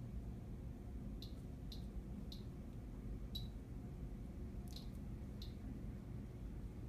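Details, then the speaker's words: Infusion pump being programmed by keypad after an IV is started and connected, in a ketamine infusion demonstration with no drug given; six soft, high key beeps over a low room hum. "so the IV is in it's connected we're going to program the"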